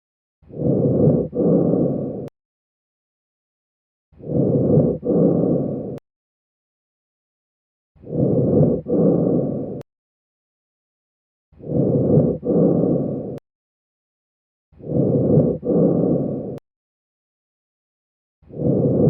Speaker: You are listening to bronchial breath sounds.